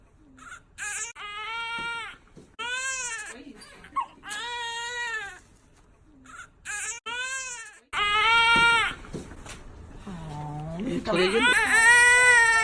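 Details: Newborn girl just after hospital birth, labor induced at 37 weeks for maternal high blood pressure: repeated high-pitched wails with brief gasps between, a strong cry; newborn cry.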